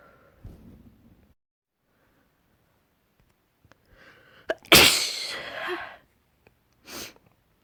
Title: Frustrated and let out sneezes